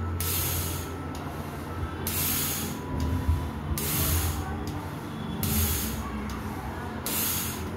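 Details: Pulmonologist demonstrating correct inhaler technique for asthma/COPD with a spacer: after exhaling fully and pressing the inhaler, soft, airy tidal breaths in and out through the spacer mouthpiece, a few even cycles over faint music.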